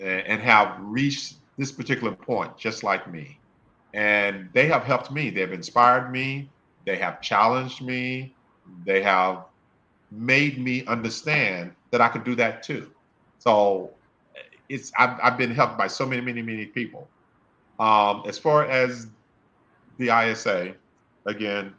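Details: Adult male speaker; stuttering.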